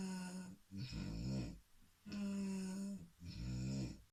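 Loud, humming, tone-like snores on both in-breath and out-breath, roughly every two seconds. Snoring.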